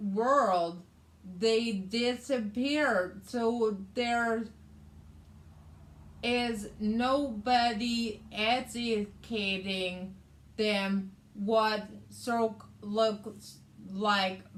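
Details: Adult woman with aphasia, which also affects her reading and writing, after a hemorrhagic stroke in May 2020 that required brain surgery and left right-sided hemiparesis; aphasia.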